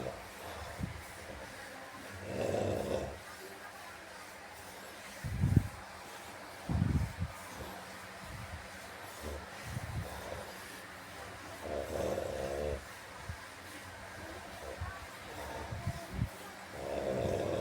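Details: Low rattling snores recurring every few seconds amid soft thumps of massage and faint room noise: a person snoring after falling asleep during a massage.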